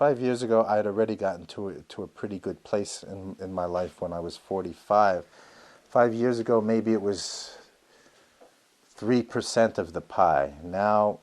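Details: Adult man around 50 who has stuttered since youth, attended intensive speech therapy at 19, now lets himself stutter with few speech interruptions; stuttering.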